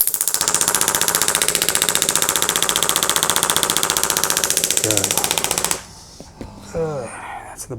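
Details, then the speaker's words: Acoustic wave therapy device at about 15–16 Hz applied to the bottom of the scapula: loud rapid regular tapping, about 220 pulses a minute, then stopping with brief talk. "there we go I can hear the vibration I was 16 Hertz I like 15."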